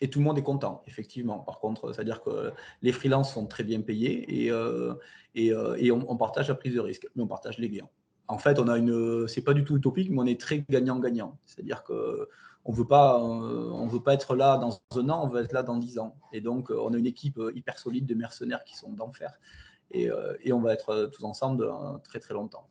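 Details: Adult man; normal voice.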